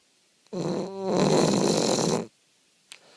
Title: Bulldog sleep snore